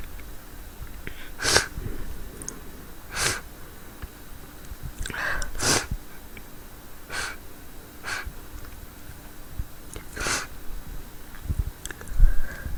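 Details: An adult woman, with a tickle in her nose, gives several sharp, explosive acted sneezes with short breaths between, then apologizes: ordinary sneezing.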